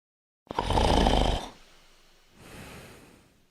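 A loud, rough, rattling inbreath followed by a softer noisy outbreath: a single snore.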